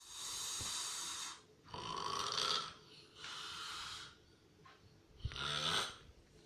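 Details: Real (not a prank) recording of heavy snoring: loud, rough, rattling snores on each in-breath, about 19 a minute and irregular, with quieter breaths between.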